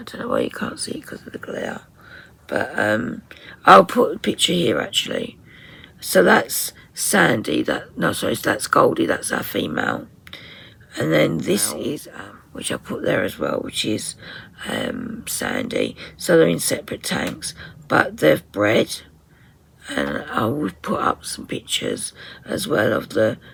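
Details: 57-year-old woman with tight, stressed vocal cord muscles, beginning after COVID pneumonia, also affecting swallowing; ENT found mucus and laryngeal infection; voice distorted, sometimes unable to speak; in speech therapy; muscle tension dysphonia.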